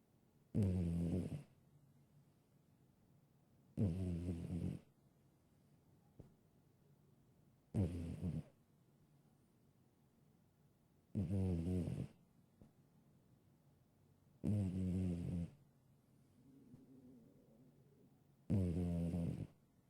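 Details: Boy, a shelter-adopted cat who has always snored: six loud, rattling snores at regular intervals, about 17 a minute, with quiet pauses between breaths; ordinary snoring.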